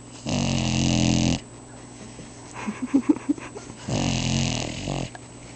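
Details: Deaf boxer puppy asleep: two loud, rumbling snores about a second each, with quieter snuffling breaths between; ordinary snoring.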